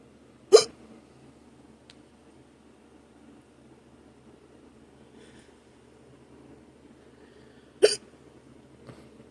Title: Hiccups (audio only)